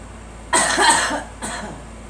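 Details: Two coughs from a girl, a longer harsh burst then a shorter one, prompted to cough; wheezing heard, allergens (flowers) suspected; cough.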